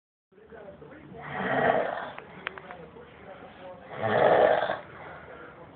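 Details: Man snoring loudly in a hotel room near Chicago, keeping others awake: two loud, rough, rattling snores on slow breaths, with quiet breathing between them; ordinary snoring.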